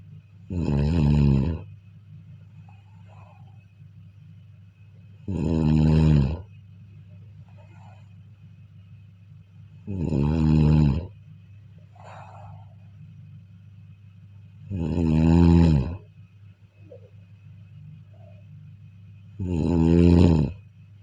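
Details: Person asleep snoring: loud, deep rattling snores on each breath in, about 13 a minute, evenly spaced with quiet pauses between.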